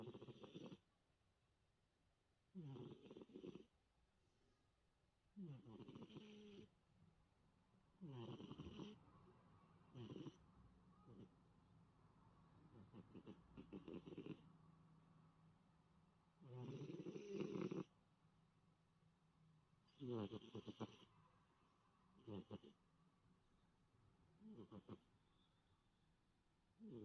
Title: cat snoring